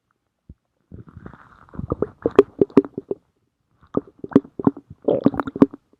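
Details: Stomach growling: loud gurgles, rumbles and quick pops in two bursts, ordinary digestive sounds (borborygmi).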